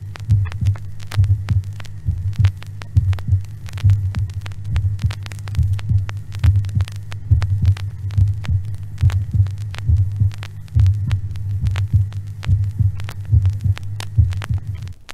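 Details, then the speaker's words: Heart sounds from an old teaching record: regular normal heart at about 70 a minute with an intermittently split first heart sound, common in normal hearts; normal heart sounds with intermittent split S1. "et voici d'abord les bruits du cœur normal vous noterez avec nous qu'il existe un dédoublement intermittent du premier bruit qui s'observe couramment sur les cœurs les plus normaux"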